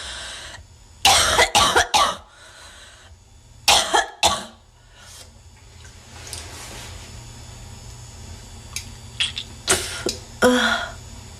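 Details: Adult woman, possibly a smoker (unconfirmed), in a cough attack: bouts of harsh, congested coughing with throat clearing and hocking of phlegm; wet, productive cough.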